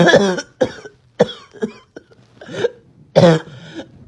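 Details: Girl with a barking cough she couldn't stop: repeated harsh coughs, about six in four seconds, with a hoarse, barking edge and strained gasps between.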